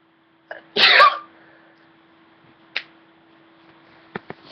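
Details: A short intake of breath, then one loud explosive sneeze, followed by faint clicks and room hum; a single sneeze.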